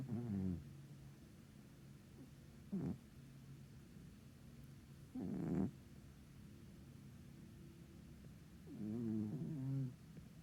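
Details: Loud, rattly snores from a sleeping cat, a few breaths with quiet pauses between them; ordinary snoring.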